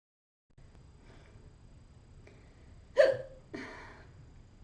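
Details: Two sharp, abrupt hiccups about half a second apart over quiet room noise from a girl; hiccup attack.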